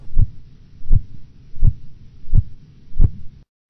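Five clear, regular low tapping sounds at about 83 a minute, heard over the brachial artery as the cuff deflates: phase 1 Korotkoff sounds.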